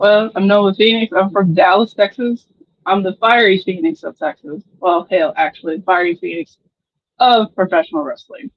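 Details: Adult woman speaking; normal speech.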